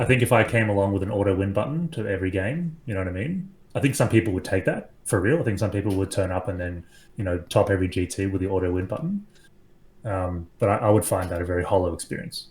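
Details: Adult man speaking; ordinary speech.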